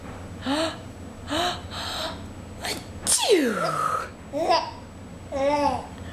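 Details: Adult (mother) sneezing once, a sharp explosive sneeze in a quiet room, with her infant son squealing, babbling and laughing before and after; sneezing.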